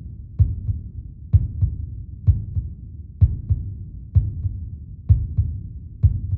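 Steady, regular heartbeat at about 64 beats a minute, each beat a clear lub-dub pair of low thumps.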